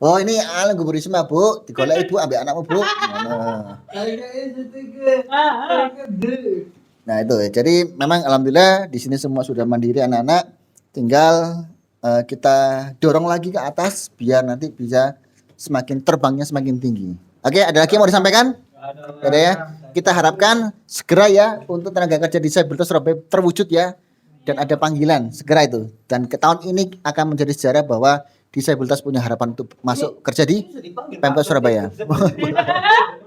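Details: Adult speaker; normal speech.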